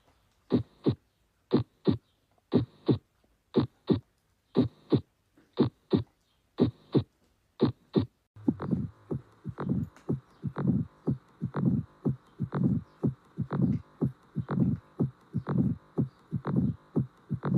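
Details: Regular paired heart sounds, lub then dub, at about 59 beats a minute, produced by closure of the heart valves: normal heart sounds.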